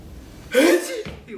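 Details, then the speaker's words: Imitated sneeze rehearsed for a scripted on-camera sneeze, the almost-but-not-quite version; a voiced breathy burst builds, then fizzles out without full release. "후보 1번 채치기 이것도 있었고 그다음에 이제 2번은 할듯 말듯 원래 제 식기가 나올랑 말랑 했 그렇죠"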